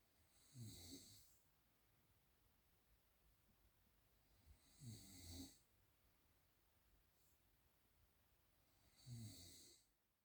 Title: How can one sleep with these snoring sounds???